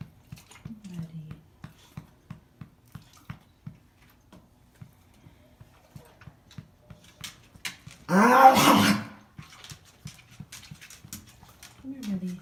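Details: Boxer dog, female, persistent dry hacking cough with retching: rapid run of short dry hacks then a loud strained gagging heave; breathing fine, not panting; sometimes vomits white/yellow bile, eats grass; later diagnosed with cancer, link to cough uncertain.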